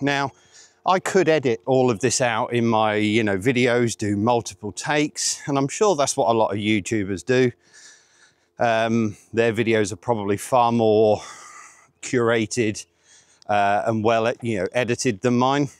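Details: 47-year-old man with stuttering (stammering) since age eight, mainly blocks, pauses and filler words, worse when retaking or under pressure.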